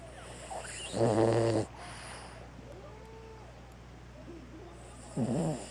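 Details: A sleeping 5-year-old male whose paws and nose tip turn pink when sleepy, snoring with two short, buzzing, vibrating snores separated by quiet breathing, faint room noise.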